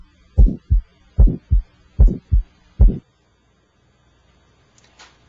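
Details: Electronic stethoscope moved from apex to aortic, pulmonic and tricuspid areas, listening for extra sounds or murmurs: crisp paired lub-dub at about 75 per minute, no extra sounds or murmurs; normal heart sounds.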